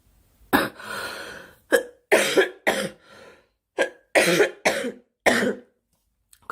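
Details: Girl coughing during a live stream, wishing aloud for the cough to stop: about eight short, harsh cough bursts in a row with brief pauses between them; repeated cough.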